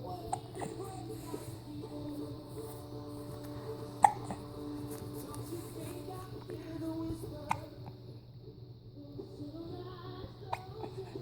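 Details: Person with hiccups: several short, sharp hiccups about every three seconds, with soft music in the background.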